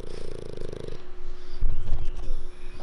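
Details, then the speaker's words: Loud, low rattling snoring from a flat-faced (brachycephalic) dog, snoring deliberately loudly with eyes open when disturbed or being woken: noisy breathing from a narrow airway. "야, 너 때문에 잠 하나도 못 잤잖아. 어? 언제까지 이렇게 코 골 거야?"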